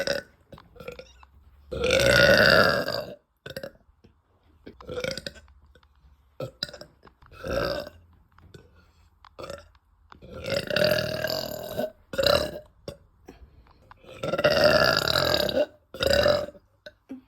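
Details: Loud, deep, drawn-out voiced belches from a girl after eating, one long burp repeating several times with short pauses; burping.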